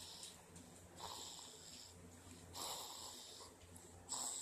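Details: Snoring into her arm: muffled, hissing, whistly breaths about every 1.5 seconds with a high, airy tone; snoring.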